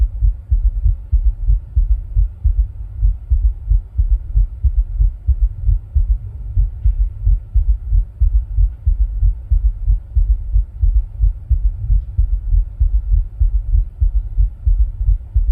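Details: Own heart sounds recorded while rebreathing into a plastic bag, with ECG: steady low heart thumps at roughly 90 beats a minute.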